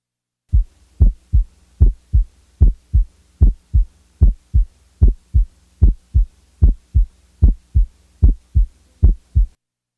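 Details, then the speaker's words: Split first heart sound in a teaching recording, compared with a fourth heart sound: regular heartbeat at about 75 a minute, the first sound split into two close parts, a normal finding. "now compare the timing and quality of the S4 with that of a split first sound first the S4 foreign and now the split first sound"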